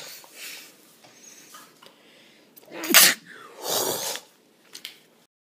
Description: Sneezing remix